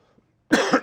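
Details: Coughing from a speaker on a live show while overcoming a cold, throat already feeling strained: a single short, harsh cough after a brief silence.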